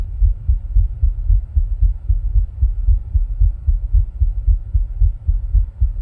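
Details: Heart sounds recorded while rebreathing into a plastic bag, with ECG: regular, low, muffled beats at about 113 per minute, a fast rate, over a faint steady hum.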